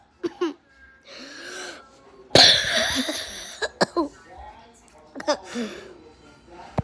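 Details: A whooping cough (pertussis) coughing spell: short coughs, a noisy drawn-in whooping breath, then a harsh burst and a run of quick coughs.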